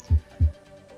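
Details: Normal heart sounds (S1 and S2).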